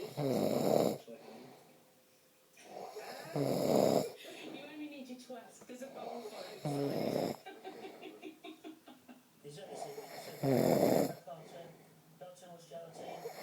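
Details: Snoring that drives the snorer's girlfriend crazy, though the snorer denies snoring: loud, rough, rattling snores in irregular bursts every three to four seconds, with quieter breathing between them.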